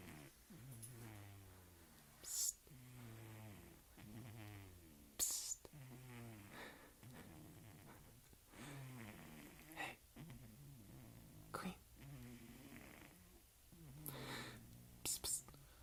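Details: A sleeping cat snoring loudly in a steady rhythmic buzz at about 30 breaths a minute, with brief soft rustles; she stays asleep.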